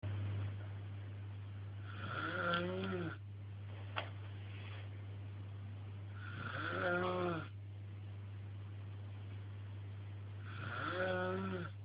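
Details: Tricia snoring: three rough, voiced snores at regular intervals, about 14 a minute, over a steady low hum.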